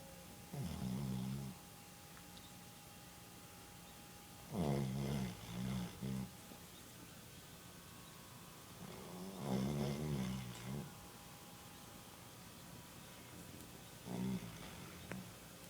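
Low rattling snores in a quiet room, each breath in giving a rough fluttering noise, about four breaths a minute: a sleeping dog snoring.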